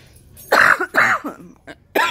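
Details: Person recovering from an asthma attack, doctor planning chest X-ray, sitting outdoors in backyard: about four harsh, wet-sounding coughs in quick succession, a coughing fit.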